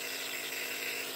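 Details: 50-year-old with childhood asthma, double pneumonia and MRSA, using a nebulizer every 4 hours: steady, loud mechanical hiss and whir of the running nebulizer compressor delivering medicated mist.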